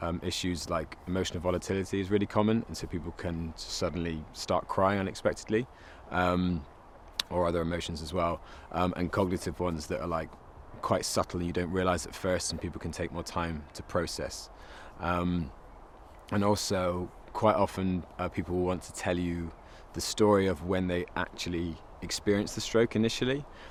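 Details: Adult speaker; no speech disorder.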